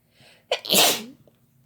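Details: Sneeze induced by Chhinkni sneezing powder while two people sneeze together: a quick indrawn breath followed by one loud, hissing, explosive sneeze.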